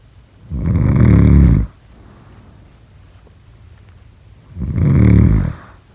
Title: #snoring #sleepnoises #snoringasmr #snoringsleepingsoundeffect #snoringsounds